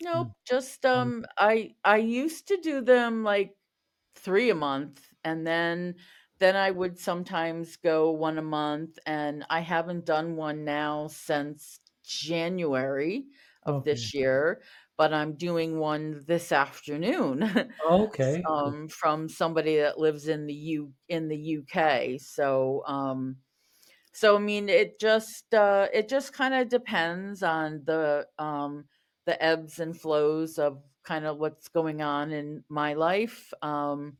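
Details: Adult woman who stutters, a covert stutterer for over 35 years; repetitions and part-word repetitions; stuttering.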